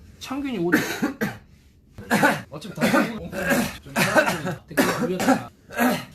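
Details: Adult man coughing: several short bouts of throaty, voiced coughing, some running together, in a quiet room; plain cough.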